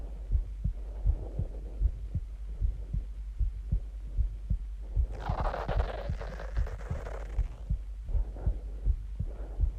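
Steady low thumping heartbeat at about 78 beats a minute, with soft breathing sounds rising over it; a normal heartbeat.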